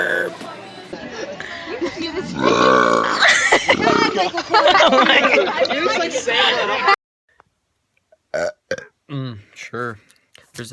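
A long, loud, voiced belch-like sound followed by brief bursts of speech after a pause; burping.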